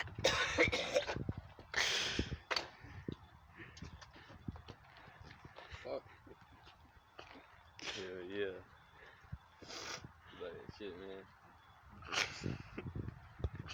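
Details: Several harsh, explosive adult coughs in separate bouts, with short voiced sounds and quiet room noise between them.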